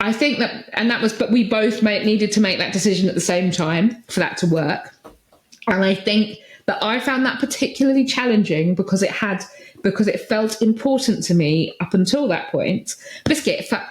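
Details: Adult woman speaking; Vocal tic (Tourette syndrome).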